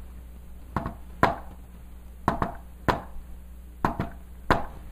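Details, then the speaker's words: Tapped imitation of an S4 gallop for teaching heart auscultation, "Tennessee" cadence: a quick soft-loud pair (S4 close to S1), then a single tap (S2), repeating three times; fourth heart sound. "Now, S4 is so close to S1 that when I do it really fast, you might not even notice. Look at this. Because it sounds like Tennessee, Tennessee, Tennessee, Tennessee."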